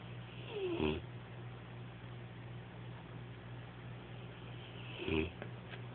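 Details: Snoring in a sleeping pet: two rattling snores about four seconds apart over a steady low room hum.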